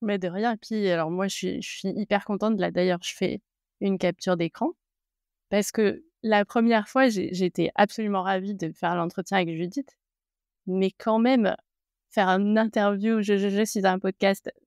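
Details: Adult woman speaking French; ordinary speech.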